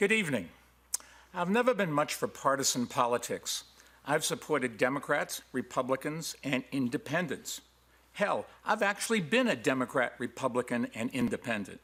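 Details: Adult male speaker; normal speech.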